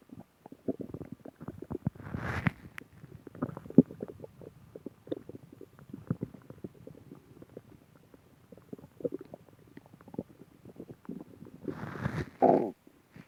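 Irregular gurgling, bubbling and squeaky rumbles from the gut, with louder gurgles now and then: ordinary stomach growling, a normal bowel sound.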